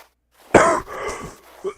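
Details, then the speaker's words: Cough from a person with a persistent cough they have been trying to get rid of; chronic cough. "If my neighbors from the dorm in Cambridge hear the cough, they're probably not gonna take that overly well. I mean, I have been trying to get rid of it, but I was creating a lot of noi"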